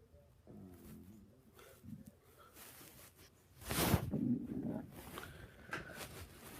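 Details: Low gurgling, rumbling and squeaky bowel sounds coming in bursts; ordinary stomach growling.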